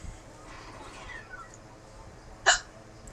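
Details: A woman with hiccups: one sudden sharp hiccup after quiet room noise and faint talk; a single hiccup.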